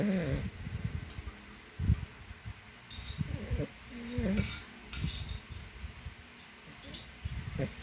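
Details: Loud, rough, low snoring with snorting breaths, irregular and almost human-like, from a sleeping French Bulldog.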